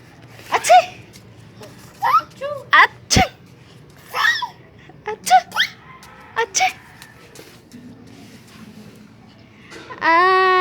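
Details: 14-month-old toddler makes playful breathy 'ah-choo' sounds, a fake sneeze imitation, amid adult talk and laughter, music starting at the end.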